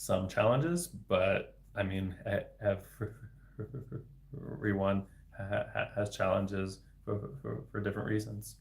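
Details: Adult man, a speech-language pathologist who stutters, speaking spontaneously in a livestream; word repetitions audible; finding: stuttering.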